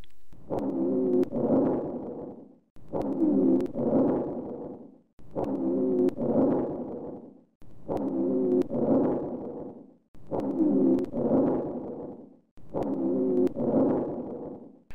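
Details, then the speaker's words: High-pitched inspiratory rhonchi (wheeze): repeated breaths with a musical, whistling wheeze during inspiration, about 24 breaths a minute. "These ronchi may be high-pitched or low-pitched, inspiratory, expiratory or both, short or long, and single or polyphonic. Listen to the high-pitched expiratory ronchi. Listen to the high-pitched inspiratory ronchi."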